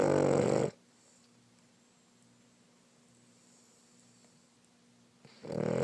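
Loud rough snoring breaths at start and end with a quiet pause between; snoring.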